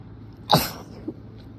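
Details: Strong wet allergy sneeze during a week of bad allergies: a single forceful, wet, hissing sneeze burst with a faint after-sound.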